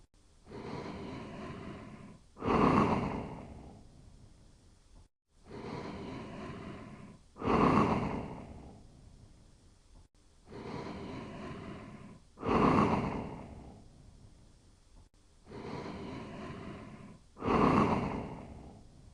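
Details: A sleeping dog snores quietly in a steady rhythm of about 12 breaths a minute.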